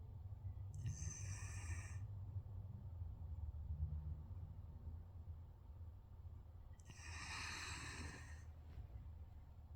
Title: My Snoring Dog Pt 2... 😂😂